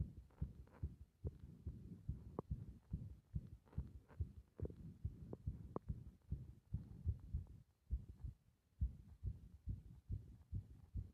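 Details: Heart sounds recorded with pressure (compression), irregular when the breath is held: low thumps with uneven spacing and brief pauses.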